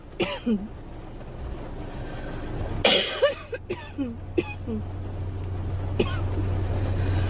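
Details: Girl coughing: several short, hoarse coughs in bursts over traffic noise, with brief voiced catches after some.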